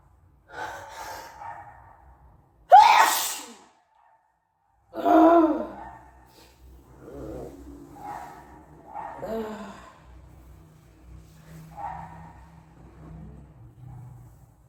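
Quiet breathy intakes, then a sharp loud sneeze, a second forceful burst, and softer breathing and sniffing afterward.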